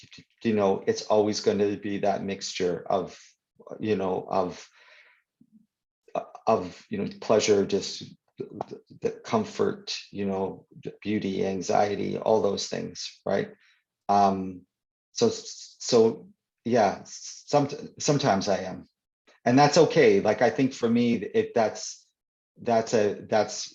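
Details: Stuttering (stammering) in an adult man who stutters, real conversational speech; he reports stuttering more when reading aloud than in conversation.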